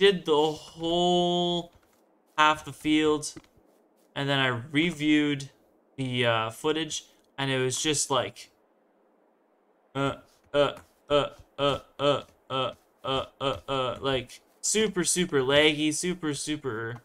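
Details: Stuttering in a male speaker who says he stutters a lot and stumbles on words.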